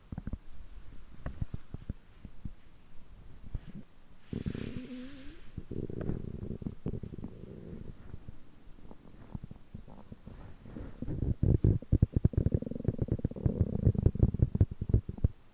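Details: Human stomach growling (borborygmi) after overeating, which typically continues for over 3 hours: irregular gurgles, bubbling and low groaning rumbles from digestion after a large meal.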